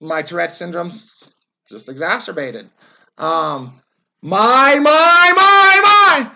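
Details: Adult man, a former soldier, with Tourette syndrome whose tics worsened after military service; he yells, jerks and repeats words; vocal tics with word repetition (Tourette syndrome).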